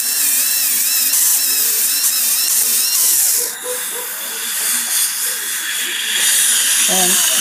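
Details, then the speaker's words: High-pitched whine of a dental handpiece over music, changing pitch under load as a polishing point finishes the proximal surface of a class V abfraction composite restoration. "and then I'll use a polishing point to get in a proximal"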